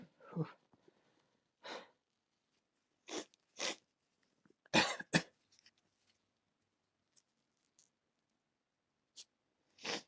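Several sharp, explosive sneezes, some in quick pairs, separated by quiet gaps; ordinary sneezing.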